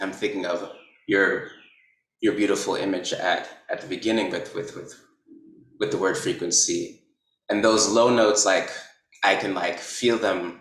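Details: Stuttering in a male artist whose work treats interruption, repetition and elongation of speech as political resistance.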